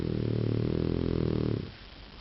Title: chocola snoring